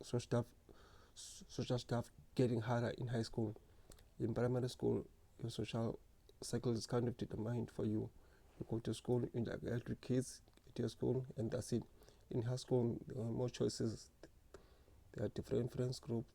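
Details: Stuttering in an adult man who has stuttered since grade 1 or 2.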